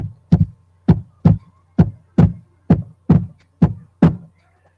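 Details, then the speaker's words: S3 gallop: regular low heart sounds at about 67 beats a minute in a galloping rhythm, a third heart sound from abrupt filling of a dilated heart, presented as a key sign of heart failure. "¿Por qué? Porque el corazón en la dilatación se está llenando muy bruscamente, entonces eso me genera un tercer ruido."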